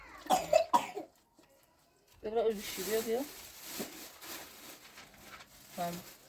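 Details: Young boy, a little sick, coughing while his mother washes clothes at a building site; he was given medicine: two short coughs followed by voices and household noise.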